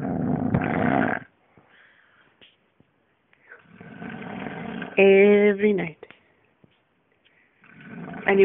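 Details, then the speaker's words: Man snoring in bed while asleep, filmed by his wife: loud, rough snores with silent gaps, one ending in a buzzing, vibrating tone; habitual nightly snoring. "And you say I exaggerate. I don't think so, not now. I go to sleep next to that every single night."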